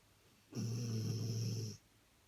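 A single low, steady rumbling snore lasting about a second, with a faint whistle over it; a dog snoring.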